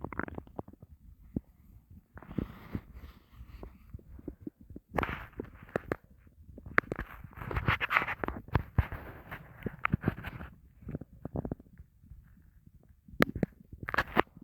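Quiet bubbling, gurgling and rumbling in irregular bursts, hunger stomach growling, a normal sound of gut movement.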